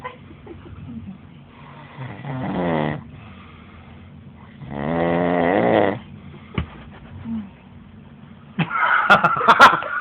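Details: Two loud, drawn-out rumbling snores on the in-breath separated by quiet pauses, then rustling and clatter at the end: snoring.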